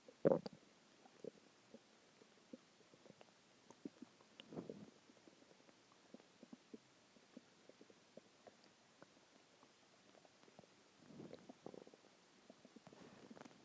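Quiet scattered gurgles and short clicks with a few longer rumbling bursts; ordinary stomach growling after a meal.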